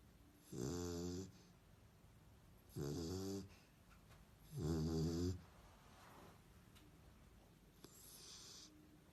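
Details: Sleeping dog snoring: three loud, rumbling snores on the in-breath, about one every two seconds, with soft breathing between.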